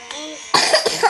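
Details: A single harsh cough burst from a child named in the title as having a cough and cold, with a brief vocal sound before it, in a video about using a portable nebulizer with Ventolin.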